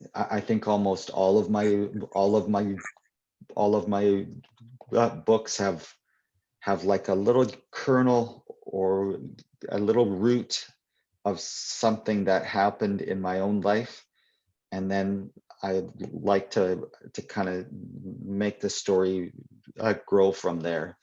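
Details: Adult male poet and children's author who stutters, with part-word and phrase repetitions: stuttering.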